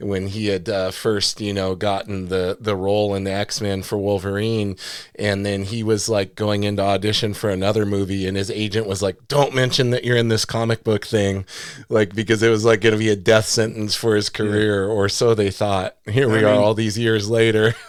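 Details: Adult man speaking; normal speech.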